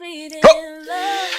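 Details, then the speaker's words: Dramatized film scene, Front of the Class: the character Cohen, a teacher who makes uncontrollable strange noises since childhood, gives a bark-like vocal tic of Tourette syndrome. "However, as a person who often has problems, Teachers who make strange noises face huge"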